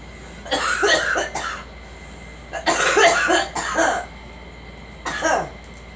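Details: Girl coughing: three bouts of harsh, wet-sounding coughs, each a quick run of bursts, over steady vehicle hum.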